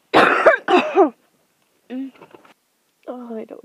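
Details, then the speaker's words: Two sharp, forceful bursts, then softer choked vocal sounds: sneezes being held back and partly stifled at 3 a.m. on day two of a cold, with a plugged nose, pounding head and chills; stifled sneeze. "I managed to hold that back it's a miracle I to try different ways to hold back"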